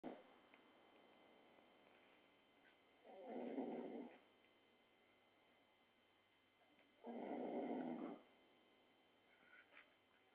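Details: A man, whose snoring kept everyone awake, snores: two rough, rattling snores on breathing in, about 15 breaths a minute, with quiet gaps between; ordinary snoring.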